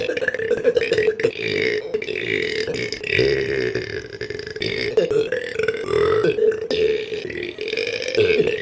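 A long run of loud, rough, drawn-out belches following one another almost without pause: repeated burping.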